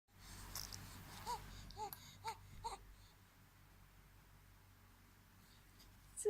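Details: Infant girl about 2 months old who gets many hiccups a day: four short, squeaky catches about half a second apart in a quiet room, then silence; infant hiccups.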